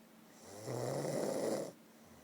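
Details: One loud, rough, rattling breath lasting about a second, recorded close up: a snore.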